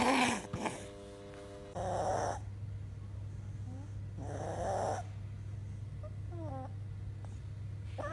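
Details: Child with viral croup: harsh, barking coughs with a high, strained sound on breathing in, with difficulty breathing; croup.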